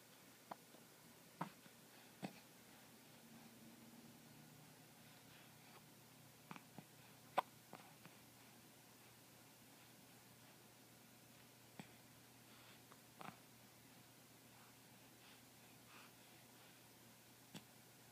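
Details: A male (he) holding still with ordinary hiccups: brief, sharp, irregular hiccup clicks, about eight over eighteen seconds, in a quiet room.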